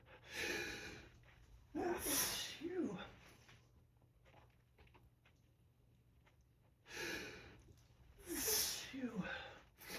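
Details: Adult with pollen allergy, morning sneezes: two pairs of forceful full-body sneezes, each a sharp intake then loud burst; allergic sneezing.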